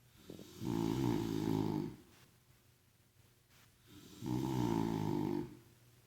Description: Synchronized snoring